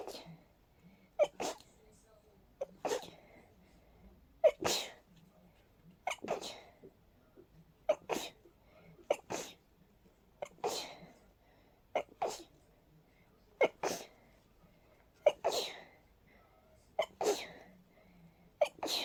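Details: During a cold with a stuffy, sensitive nose, about a dozen quick sneezes come in rapid succession, roughly one every one to two seconds, some in pairs, with sniffing between; a rapid sneezing fit.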